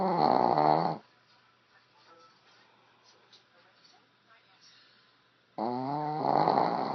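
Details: Woman snoring with her eyes open, two loud vibrating snores separated by several seconds of quiet: snoring.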